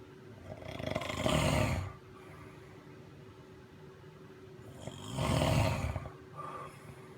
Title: Snoring 11221963